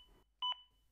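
A single short two-tone electronic beep over faint room noise, the compression-pacing tone of an AED guiding CPR.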